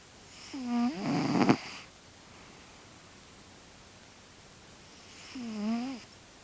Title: My snoring cat ☺️